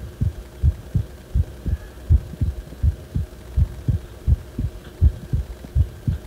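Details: Heart sounds recorded when the heart felt wrong: deep, steady paired thumps about 80 a minute over a low hum.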